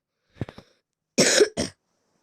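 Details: Cough from someone who says they have just fallen ill: a few short throat-clearing sounds followed by two harsh cough bursts.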